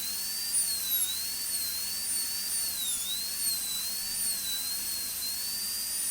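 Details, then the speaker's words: Continuous high-pitched whine, slightly wavering, of a high-speed dental drill with burr at about 45 degrees doing occlusal reduction on a typodont model for stainless steel crown preparation. "Slowly you have to do the occlusal reduction, maintaining the grooves and cuspal morphology of the tooth. Keep the burr slightly at a 45-degree angulation and keep preparing the tooth occlusally."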